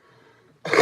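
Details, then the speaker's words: Adult streamer who says he is sick and is taking cough lozenges: after quiet room noise, a single loud, harsh chest cough bursts out abruptly. "I'm a bit sick right now. I got some of these. They're called Jake Mans. They're meant to like help you if you got like a cough or something."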